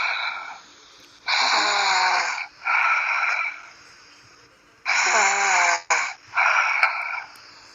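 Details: Loud, raspy, whistling breaths in pairs, a long inward sound then a shorter outward one, about two breath cycles; snoring.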